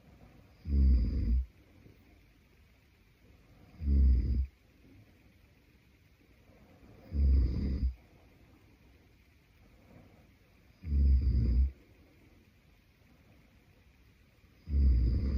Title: Snoring Boyfriend | My favorite Whitenoise | pt2